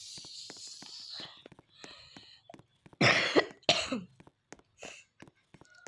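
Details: Two loud, harsh cough bursts from a child while gaming, set among soft clicks and quiet breathy noise.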